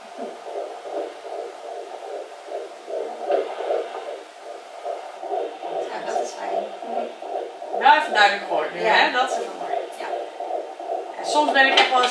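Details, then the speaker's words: Fetal heartbeat on a Doppler in the second trimester: rapid, regular whooshing pulses at about 150-160 beats a minute, a normal rate, with small plops from baby movements. "Het klinkt goed hoor klinkt hartstikke goed zeker Ja hoor 150 160 SL paar minuutjes helemaal prima"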